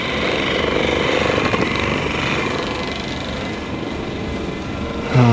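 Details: Percussive massage gun used on a quadriplegic man's wrist, then ankles and legs, after Y-strap chiropractic adjustments; he reported feeling sensation in his legs. Steady loud buzzing, hammering motor noise.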